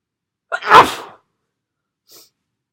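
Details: Quick in-breath followed by one forceful explosive sneeze, then a faint sniff; a single ordinary sneeze.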